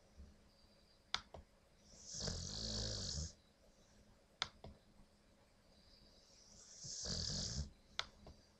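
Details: Snoring from a very tired sleeping dog, the newest family member, who also passes gas: slow rattling inhaled snores with hissy exhales and small clicks, about 12 breaths a minute.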